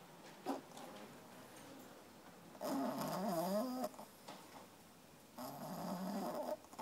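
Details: 3-month-old female French Bulldog puppy asleep after playing all day, snoring with two long, rattling, wavering snores and quiet breathing between.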